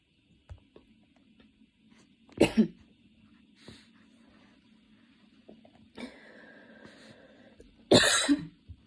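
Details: Quiet room with a few scattered sharp coughs and throat clears, the last burst loud and harsh, part of a prolonged coughing fit that came on while studying and worsened until intense; the person was changing positions.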